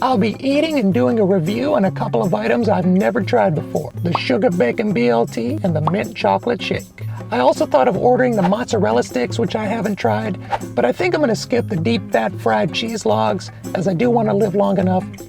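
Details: Adult man whose voice never changed after puberty, high falsetto since childhood; can hold a deeper voice only a minute or two; no voice therapy chosen; mutational falsetto (puberphonia).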